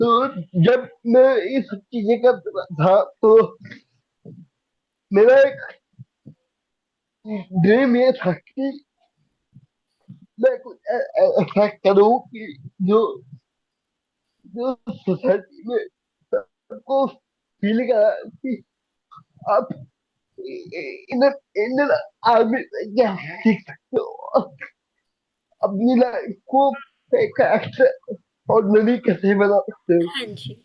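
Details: Young adult man with cerebral palsy diagnosed at age 2, who could not speak as a child and reports that speaking still takes double effort and is unclear; dysarthria due to cerebral palsy.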